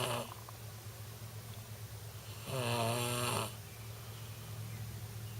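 A single rough, buzzing snore over steady low room hum.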